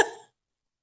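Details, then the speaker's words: Small female pet dog coughing in the background during a live video chat: a single short, sharp cough burst that fades within a quarter second. Finding: dog cough. "and it's also uh, my little dog's coughing here. So if you hear the weird noises, my little dog coughing here."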